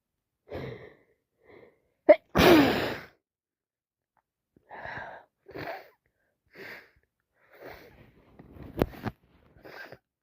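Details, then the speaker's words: Adult with a head cold and congestion sneezing repeatedly: a sharp intake, then a forceful wet sneeze, a second shorter burst near the end, and soft sniffly breaths between. "Just can't stop. That's me. I'm congested. I need to sneeze."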